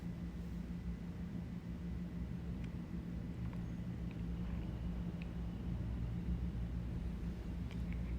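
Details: Stethoscope over the left iliac artery of a healthy patient, listening for bruits of arterial insufficiency, picks up a low steady rumble with no whooshing bruit; normal iliac artery auscultation.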